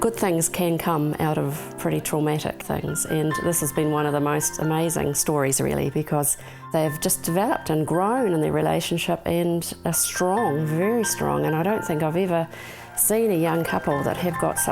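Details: Adult speaker; Normal fluent speech.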